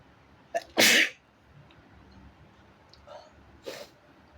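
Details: Deliberately induced sneezes recorded at home: a short in-breath, one loud explosive sneeze, then a softer second sneeze a few seconds later in a quiet room; ordinary sneezing.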